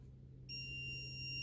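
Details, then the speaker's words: Sudden steady high-pitched tone over a low hum as a training AED delivers a shock after rhythm analysis advises shock; voice prompt: everybody clear, stay clear, shocking now, shock delivered. "okay it wants to shock everybody clear stay clear shocking now shock delivered"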